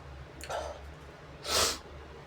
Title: inducing big sneezes with a brush & blowing my nose